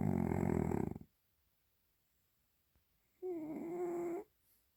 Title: DEEPEST and LOUDEST Cat Snore EVER 😹